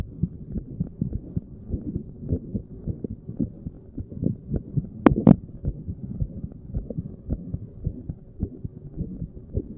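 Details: Adult sitting at rest, self-recorded with a stethoscope at random chest spots: steady soft lub-dub heartbeats around 80 a minute with brief rubbing noise midway; normal resting heart sounds.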